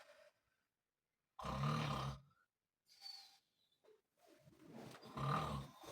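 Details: Person snoring heavily at night, keeping a bed partner awake: loud, rough, rattling snores on the breath in, with quiet pauses between them.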